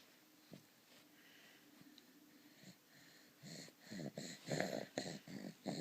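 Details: 3-month-old boy with laryngomalacia, on his back or sitting, quick noisy squeaky-rough breaths; stridor worse in these positions, easing after about a minute prone, varying day to day; inspiratory stridor from laryngomalacia.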